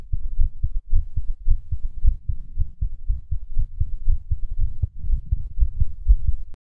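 Fast, low heart thumps at about 110 a minute with an uneven rhythm, with pauses where beats seem skipped.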